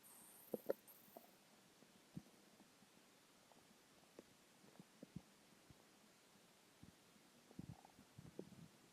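Soft, scattered gurgles and low rumbles from the belly in a quiet room; ordinary hunger growling.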